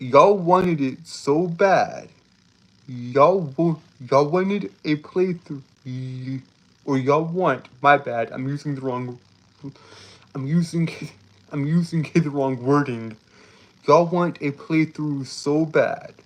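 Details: Male streamer with a self-reported speech impediment that makes him stutter and trip over his words; phrases are repeated over and over; stuttering.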